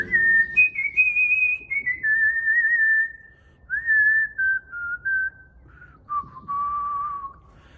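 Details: Autistic man whistling a piece of music heard performed that locked into his head; echolalia (whistled repetition of music).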